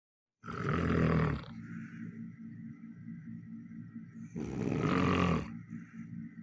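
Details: Very loud, rough, rattling snores on two breaths about four seconds apart, with a quieter breathy sound between them; snoring.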